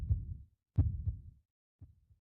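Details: Deep, muffled heartbeat thumps with a soft echoing tail, about two beats in just over two seconds, illustrating the heartbeat in an explainer on high blood pressure (hypertension).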